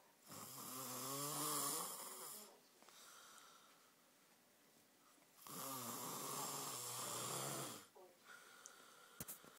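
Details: Child (boy) snoring continuously for two hours: two long, loud, rattling snores about five seconds apart, each with a strong buzzing tone, in a quiet room; heavy snoring.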